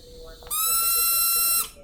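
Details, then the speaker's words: EMS ventilator high-pressure alarm: a loud, steady, high-pitched tone lasts about one second while a bag used as a test lung is overinflated with too high a tidal volume. "if you've got your title volume too high you see how that alarm goes off and that that bag looks like it's gonna burst"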